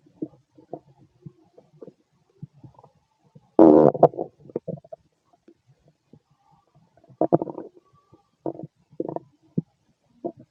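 Low gurgling and rumbling bowel sounds come in bursts with quiet gaps, including one longer louder growl; ordinary stomach growling.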